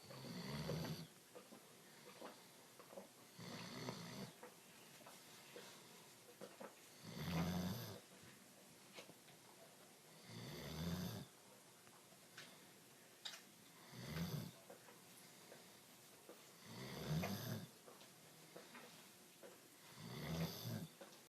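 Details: 120-pound Doberman, deeply asleep: low rumbling snores about 18 a minute in a quiet room; snoring.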